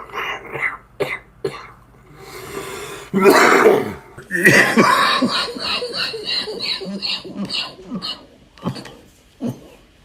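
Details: Coughing compilation described as respiratory failure: several harsh coughs and throat clearing in quick bursts, with some voice between them; a repeated cough.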